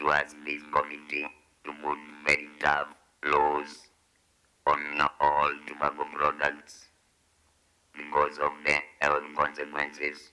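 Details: 69-year-old man who smoked cigarettes for 25 years from age 14, causing throat cancer; his voice box was removed and he speaks with an electrolarynx held against the throat, unable to talk without it (electrolarynx speech).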